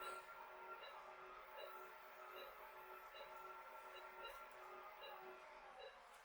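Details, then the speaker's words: Phacoemulsification of a mature dense cataract in a 75-year-old woman: regular machine tones under a second apart as nucleus fragments are emulsified without wound burn; phaco machine tones. "we really have enough power for us to safely emulsify the nucleus without causing any wound burn so each of these fragments is now being consumed"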